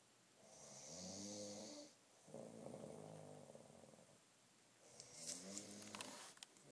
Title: snoring